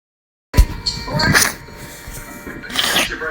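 Two short explosive sneezes from a small animal, likely a cat, about two seconds apart.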